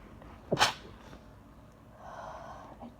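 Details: Woman coming down with a cold, reading aloud from Stephen King's It while needing to sneeze: a single sharp, forceful sneeze followed by a brief breathy exhale.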